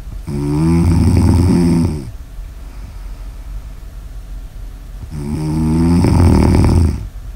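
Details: Snoring ASMR audio recording: two loud, rattling, fluttering snores on breathing in, about five seconds apart, with quiet breathing out between, about twelve breaths a minute; snoring.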